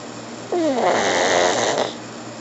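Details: Snoring pug: a single harsh, snorting, wheezy snore from a small flat-faced dog over a steady background hiss.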